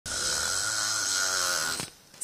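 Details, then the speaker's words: Snoring, described as a powerful nocturnal melody unbearable for those nearby: one loud, prolonged rattling snore with a harsh buzzing tone lasting nearly two seconds, then near silence. "une mélodie plus ou moins puissante au note parfois recherché mais insupportable pour l'entourage le ronflement"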